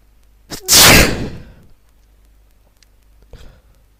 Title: New sneezes